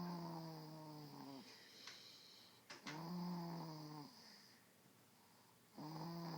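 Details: Dog named Rosie snoring while asleep: regular, droning, buzzy bursts about three seconds apart, roughly 20 breaths a minute, over a faint steady background hiss. Ordinary snoring.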